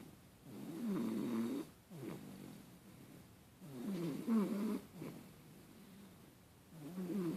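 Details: Rhythmic low rattling snores on each breath, about three breaths in seven seconds, some with a brief snort, from a sleeper; ordinary snoring.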